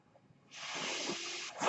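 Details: Mechanical ventilator breath.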